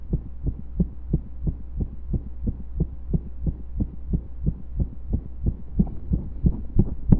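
Steady low thumping heartbeat with a constant hum underneath; rhythm loosens toward the end, fitting occasional skipped beats.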